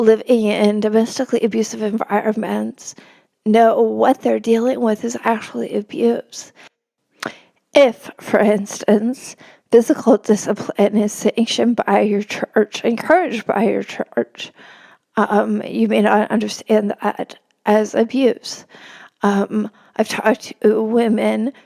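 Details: Real adult woman with spasmodic dysphonia; spasmodic dysphonia.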